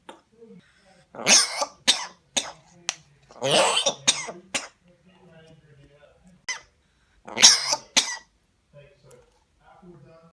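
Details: African Grey parrot imitating a cough: several short, harsh, hissy cough-like bursts between soft chirps and mutters.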